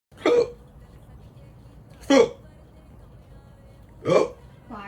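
Three short, abrupt voiced hiccup sounds about two seconds apart, with a fourth starting at the end, over faint background music.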